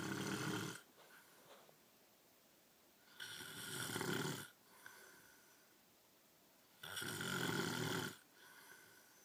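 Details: Adult man (a father) snoring heavily in his sleep: loud, harsh rasping snores on each breath in, about three, with quiet pauses between.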